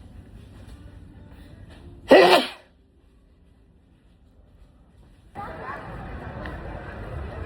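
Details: A single sharp, explosive sneeze from a sneezing compilation, followed by quiet and then steady background noise.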